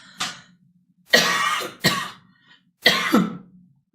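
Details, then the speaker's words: Woman with a bad cough and hoarse voice: four harsh, short, fairly dry coughs in a quiet room. "Perdão. Ai, tô com uma tosseca, ruim."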